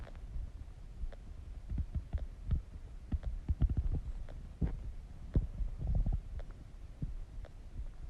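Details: Low gurgling rumbles and bubbling pops from the stomach during digestion; stomach growling (borborygmi).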